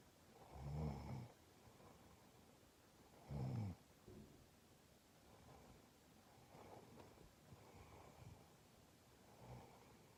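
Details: Sick, congested adult woman in deep sleep, humidifier running: rough, fluttering snores on the in-breath, a few loud then softer breaths, over steady room hiss; snoring.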